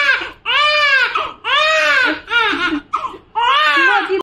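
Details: Newborn baby boy born today by normal delivery, weight 3400 g, in hospital: strong, rhythmic, full-voiced bursts of crying with short breaths between; normal newborn cry.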